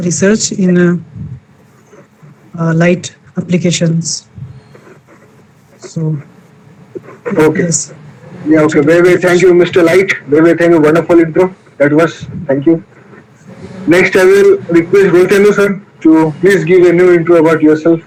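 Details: Stuttering in a male participant of an online session for people who stammer, introducing himself.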